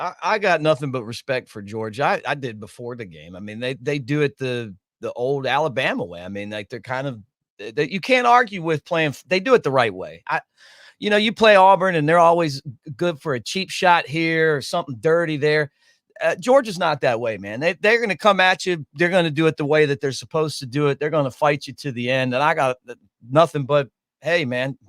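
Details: Adult man speaking; normal voice.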